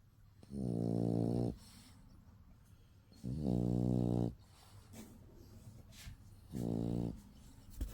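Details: Rescue dog sleeping with tongue out: three buzzing, tonal snores about a second long, roughly three seconds apart, with faint room noise; snoring.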